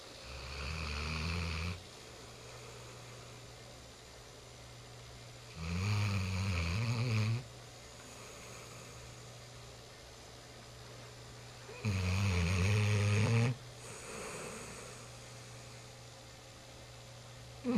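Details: Nine-month-old dog snoring like an old dog: deep, rattling snores under two seconds long, about every six seconds (near 10 a minute), over a steady low hum.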